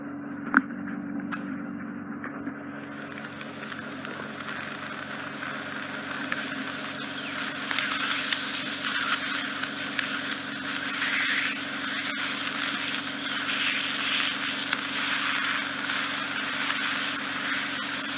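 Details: Ear wax microsuction in an ear canal of unusual, more horizontal rather than oval shape: steady high hissing suction with crackly, irregular clicks and rattles as wax is drawn through the tip.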